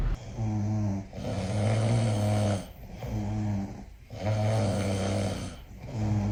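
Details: Deep, buzzing snores on each breath in and out, roughly 20 breaths a minute, with a droning low tone; ordinary heavy snoring.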